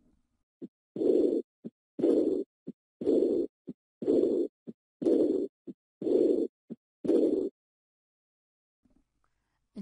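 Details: Teaching recording of heart murmurs: regular heartbeat near 60/min, each beat trailed by a long blowing diastolic murmur of aortic regurgitation.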